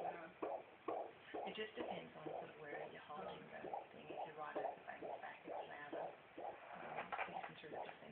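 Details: Rapid, rhythmic whooshing fetal heartbeat at about 130 per minute, in the normal range.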